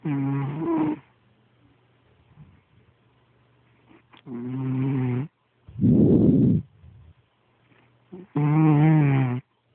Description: my cat has the loudest snore i've ever heard